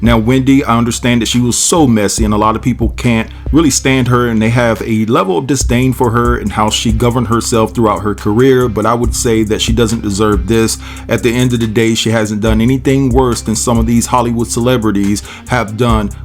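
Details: Adult male speaker; normal speech.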